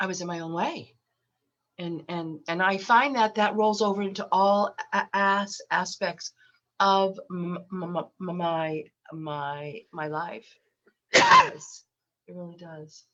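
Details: Adult woman with lifelong stuttering, very repetitious, with eye closures, worse when unwell and since COVID, recorded while having a cold; stuttering.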